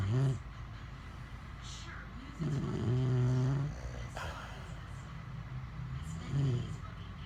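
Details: Husband and French bulldog snoring loudly together: low, buzzing snores with a honking, whistly edge and snuffling breaths over a steady background hum.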